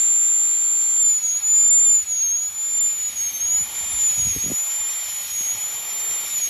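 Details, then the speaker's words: Steady high-pitched whine of a high-speed dental handpiece with a faint low rumble, bur moving distal to mesial during a full-metal crown preparation on tooth #46 on a phantom head. "Again you see the direction of my burr. I am starting from distal and going towards the medial."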